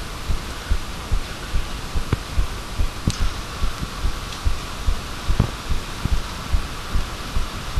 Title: Heartbeat again